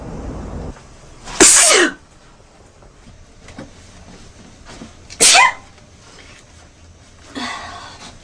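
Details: Acted sneezing by a blonde woman for an allergy commercial audition, not a real allergy: two loud, sharp sneezes and a softer third, with quiet room noise between them.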